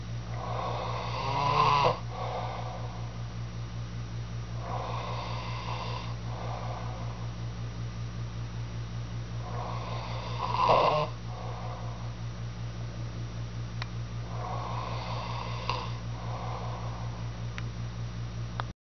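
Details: Man snoring, though he denies that he snores: four rasping snores about every 4 to 5 seconds, roughly 13 breaths a minute, over a steady low hum.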